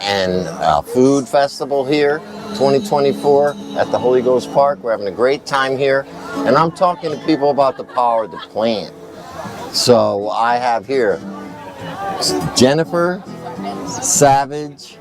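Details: Adult male speaker; Normal voice.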